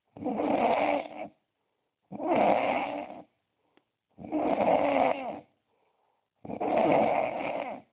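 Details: Male's snoring problem revealed: harsh, loud snores in a steady rhythm, four in eight seconds, separated by silent pauses; heavy snoring.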